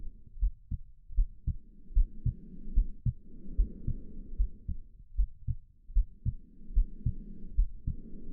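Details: Steady low heartbeat about 75 beats a minute with soft whooshing breath sounds underneath, presented as soothing baby sleep sounds; normal heartbeat.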